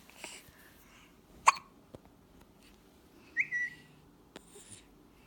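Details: Hiccups: a few scattered short hiccup-like pops in a quiet room, with a brief high squeak.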